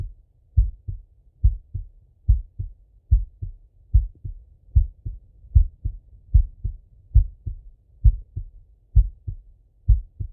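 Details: Steady lub-dub male heartbeat at about 73 beats a minute on stethoscope auscultation, regular rhythm, no extra sounds, with breathing; normal heart sounds.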